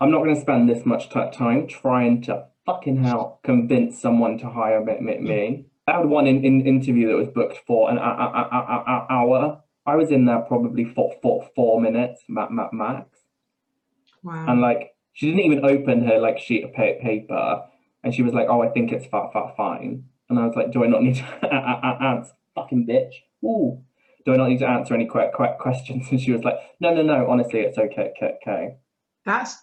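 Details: Man with Tourette's syndrome whose tics are involuntary swearing and blurted phrases in mid-sentence, with a stammer that worsens under stress; real, not acted; Tourette syndrome vocal tics (coprolalia) with stammer.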